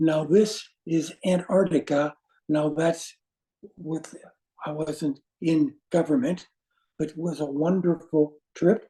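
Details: Adult man with aphasia resulting from a stroke; non-fluent speech with difficulty choosing words instantly and finding how to say what he wants.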